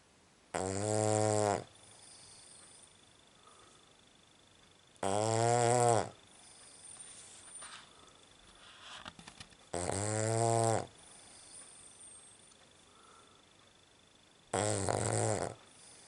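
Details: Cavalier dog described as a horrendous snorer: four buzzing, rattling snores about every four to five seconds, with quiet between them.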